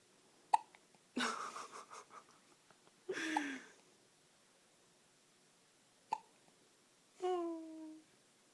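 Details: Infant hiccups: two sharp, abrupt hiccup clicks between brief vocal sounds and fussy noises.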